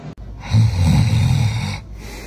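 A single loud, low, rattling snore lasting over a second, with quieter breath noise before and after. Ordinary snoring.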